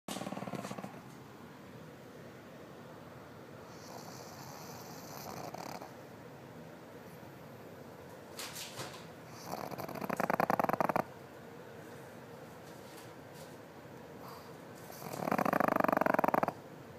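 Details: A sleeping pet pig gives several rough, fluttering snores spaced several seconds apart; ordinary snoring.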